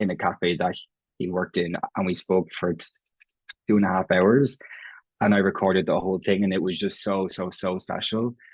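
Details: Stuttering (stammering) in an Irish adult man who has stammered as long as he can remember; his own speech features prolongations, repetitions and blocks; genuine, unconcealed stammering in conversational speech.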